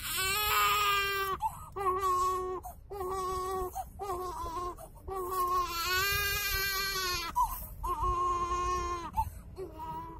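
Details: Baby brother, an infant, crying: repeated loud, wailing cries with short breaths between them.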